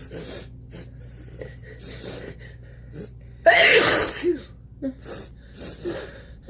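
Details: A pig with its nose up close to the camera makes soft snuffling nasal breaths, then one loud, harsh sneeze in the middle, followed by quieter snorts.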